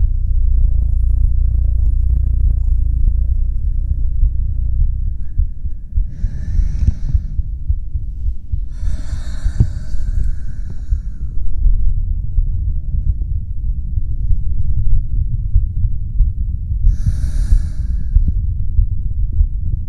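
Slow, soft breaths with airy hiss over a constant deep throbbing rumble; ordinary relaxed breathing.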